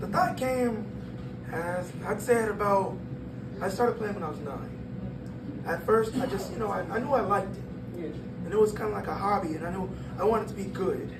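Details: 22-year-old man born prematurely at about one pound, vocal cords had to develop as he grew and still not closing all the way; breathy dysphonia.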